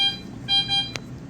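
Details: Ventilator alarm just after a tracheostomy tube change and reconnection: repeated high-pitched electronic beeps, a brief click and quiet room noise.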